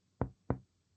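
Two hollow, low-pitched percussion taps, each with a brief resonant ring that fades over a fraction of a second. This is the normal resonant note of air-filled lung heard when percussing the back along the spine, unlike the flat, dull note over solid organs or fluid.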